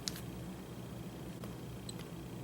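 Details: Snuza Hero baby movement monitor: a faint, brief high-pitched electronic chirp over quiet room noise, with a few soft clicks.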